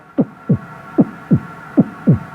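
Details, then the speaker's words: Instructor's throat-made vocal imitation of a normal lub-dub heartbeat, paired low thumps at about 75 a minute, not a real stethoscope recording. "that wasn't actually my heart through the stethoscope because the microphone can't pick that up that was just a sound i was making in my throat"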